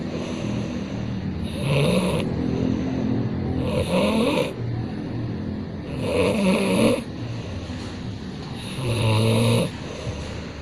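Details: Water buffalo snoring: loud, deep snores with a rough rasping edge, four snores in about ten seconds.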